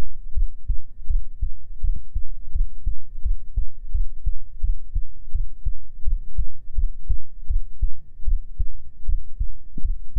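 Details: Steady, soft low thumps at roughly 80 beats a minute with a faint hum behind, an ordinary resting adult heartbeat heard on the chest in a binaural ASMR recording.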